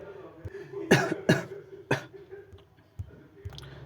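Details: Three sharp, loose-sounding coughs from an adult male teacher mid-lecture; he says the coughing is heavy and that he must stop the lecture.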